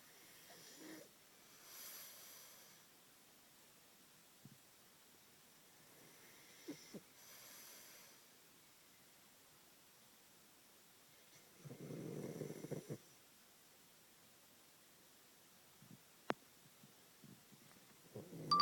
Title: SweetP snores